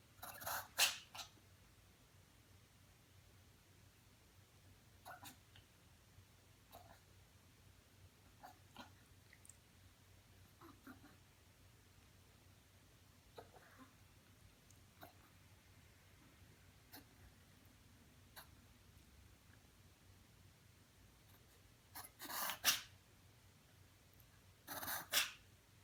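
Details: Dog wearing a trimmed cone gives a few short, sharp snorting bursts of reverse sneezing between long quiet stretches.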